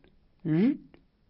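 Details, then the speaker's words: 17-year-old male football player with hypertension (162/94), heart rate 59, and weak femoral pulses, suggesting coarctation of the aorta: a voiced imitation of a systolic ejection murmur heard over the spine between the shoulder blades. "he has a systolic ejection murmur heard over the spine between the shoulder blades"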